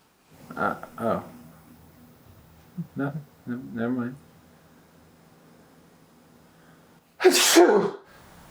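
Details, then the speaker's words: A brief exchange of speech, then one loud, explosive sneeze after a pause, in a comedy sketch where the sneezer suggests allergies; a single ordinary sneeze. "what's going on man uh i guess probably allergies or something i'm talking about why i sneezed"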